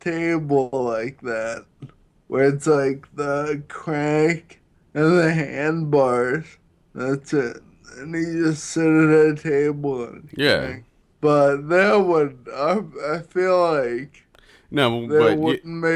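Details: Man with Friedreich's ataxia, a neurological disease affecting balance and coordination that also affects his speech; ataxic dysarthria.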